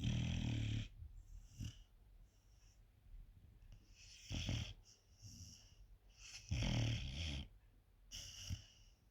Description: My 4 month old dog snoring like a drunk sailor.